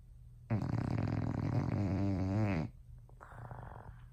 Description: We decided to let LouLou sleep with us last night since Tua was at the Doctors. I forgot how loud she is